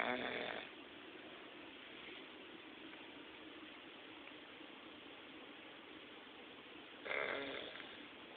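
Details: 8-year-old English Bulldog taking an afternoon nap, snoring: two rough, rattling snoring breaths about seven seconds apart with steady noisy breathing between them.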